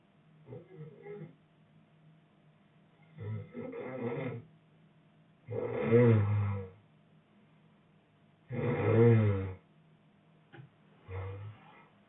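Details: Boyfriend snoring during sleep: low, rattling snores with each breath, about five in twelve seconds, some louder and rougher than others; ordinary snoring.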